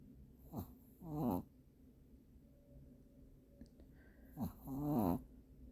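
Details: Pet with encephalitis since birth, snoring in sleep: two snoring breaths about four seconds apart, each a short rough intake followed by a longer fluttering, squeaky snore.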